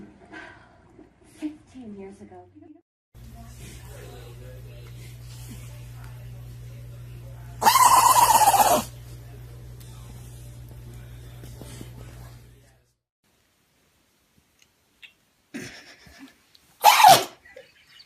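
Sharp, explosive sneezes from a small pet, heard twice with a quiet gap between, against low room hum and brief voices.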